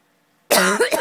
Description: My cat Gabby really gets annoyed when I cough.